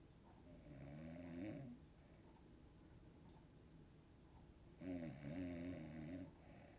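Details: Adult woman (the mother) snoring in sleep at 3 am: two loud, rattling inhaled snores about four seconds apart, with quiet breathing between them in a still room.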